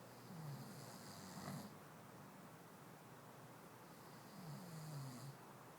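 Two low, rattling snores about four seconds apart, each with a hissing breath, over steady room noise: ordinary snoring.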